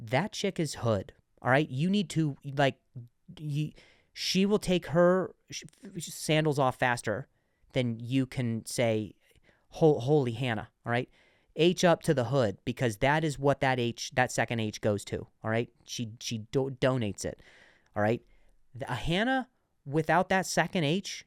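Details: Adult male comedian who stuttered and still sometimes stutters, speaking on his own podcast; stuttering.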